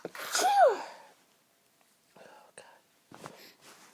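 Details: Sneezes held back as long as possible, apparently with the nose pinched: a loud stifled sneeze with a rising voiced burst, then quieter breathy held-back sneezes.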